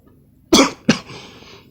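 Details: Adult coughing, then clearing the throat; flu is mentioned and NyQuil is reached for afterwards; two harsh, loose coughs in quick succession with a faint breathy tail; cough.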